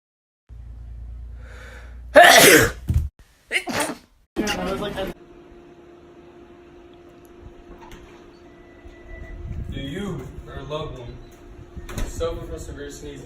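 Several loud sneeze bursts in quick succession, then a steady hum and faint talk; a sneezing fit.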